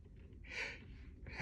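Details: Repeated sneezing fits while sitting: a single sharp, breathy intake of air, the gasp just before a sneeze.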